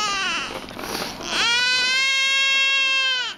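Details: Loud, strong, sustained high-pitched cry from a 7 lb newborn girl in the delivery room, following a brief fussy start; newborn cry.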